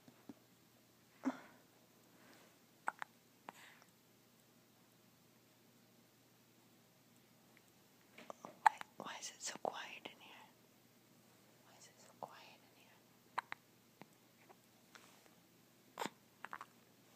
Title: Hiccup baby